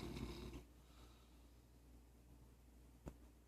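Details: Pet Apollo in deep sleep, recorded zoomed in from across the house: a short, rough, low rumbling snore, then quiet room noise and a brief click; snoring.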